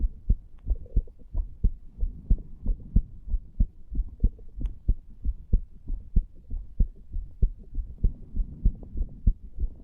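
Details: 34-year-old male lying on a bed, stethoscope over the tricuspid area after smoking nicotine from a cigar and "green stuff": steady, regular low heart thumps at about 95 beats a minute, a mildly fast rate.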